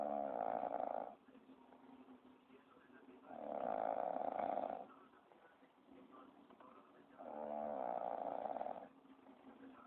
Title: lmfao,,talk about snoring!!